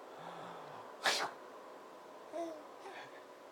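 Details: Father's single sharp, explosive sneeze in a quiet room, followed by faint voices; sneezing.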